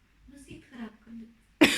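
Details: Woman speaking softly during a hair treatment demonstration, then one sudden loud cough, cut off mid-sound; she says the cough is not from COVID.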